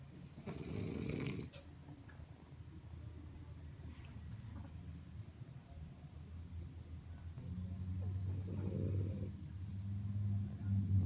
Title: Symphony Of Snores